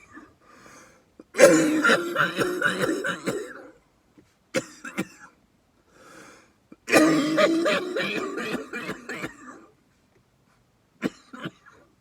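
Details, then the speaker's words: Asthmatic adult man coughing after hitting a vape cart: two long bursts of harsh, repeated coughing with throat clearing, separated by pauses; coughing fit. "I'm an asthmatic so that's why I'm coughing to it"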